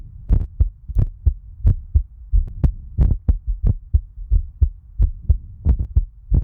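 Steady paired heart thumps at about 90 to 95 beats a minute, a normal heartbeat.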